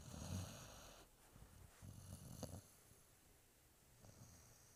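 Low, rumbling snorting snores in irregular bursts with quieter breathing between; a sleeping puppy snoring.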